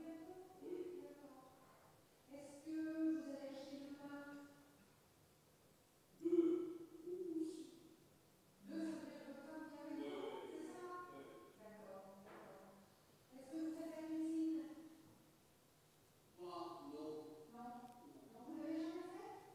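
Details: Very severe Broca's aphasia in a real male patient: massive expressive difficulty and agrammatism, with yes and no and occasional repetition of just-heard fragments still possible. Finding: Broca's aphasia (agrammatism).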